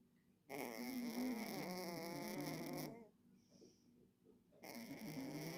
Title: cat is snoring🔊 кот храпит🔊 #shortvideo #mycatchannel #funny #catchannel #yourcat #pets #cat #cats